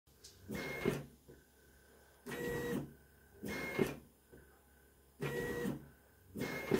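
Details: Romanian-made mechanical ventilator for coronavirus patients operating: repeated motorized whirring bursts with quiet pauses between, the cycling sound of the machine running.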